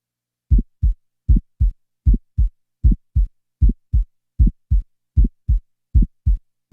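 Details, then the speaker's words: Heart sound recorded from a patient by stethoscope: regular heartbeat about 77/min with a sharp early systolic ejection click just after the first sound, before a systolic ejection murmur is added. "in the next example an ejection click will be introduced and then a systolic ejection murmur will be added"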